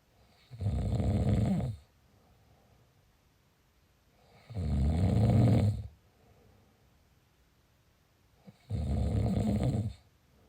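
Loud, low rattling snores on each breath in, three in about ten seconds, roughly 15 breaths a minute, with quiet breathing out between.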